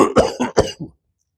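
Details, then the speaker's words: Doctor imitating a medium-airway cough of bronchitis or asthma: deeper inhalation then about four short, fairly loud coughs with throat clearing. "This kind of a cough. Deeper inhalation, multiple louder coughs is bronchitis or asthma."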